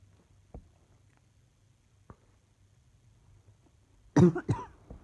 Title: Still got this annoying cough